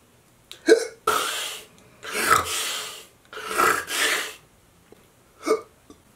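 Several abrupt, short catching sounds with breathy noises between them, in a quiet room. This is hiccuping, a sudden involuntary spasm of the diaphragm.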